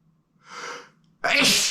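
A drawn-in breath, then a sudden loud sneeze burst.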